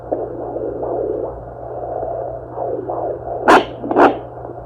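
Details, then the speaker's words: Maternal heartbeat picked up on a Sonoline B handheld fetal Doppler over the pregnant wife's abdomen: soft, rhythmic whooshing pulses, slower and calmer than the baby's. "This is my wife's heartbeat. See? Slower, more calm. See, that's my wife's heartbeat."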